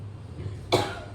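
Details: A single abrupt, harsh cough burst over a low background hum; a persistent cough that has not healed, blamed on heavy lifting.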